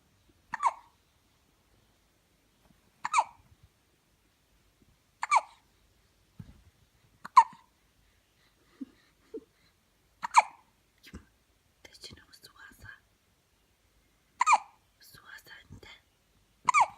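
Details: Infant with short, sharp squeaky toy-like hiccups repeating every two to three seconds, about seven, with small breaths between; baby hiccups.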